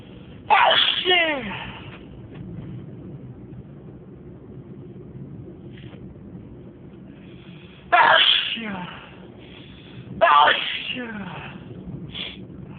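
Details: Sneezing during a six-minute run of more than 30 sneezes: three loud, explosive sneezes in a row, each with sharp onset and falling voiced tail, quiet breathing between.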